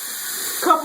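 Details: Adult with hiccups after drinking: steady room hiss, then a single short, abrupt voiced gulp of a hiccup near the end.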